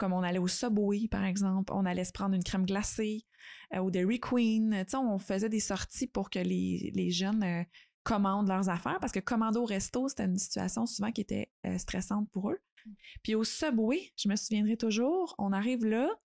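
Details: Adult woman speaking French; normal speech.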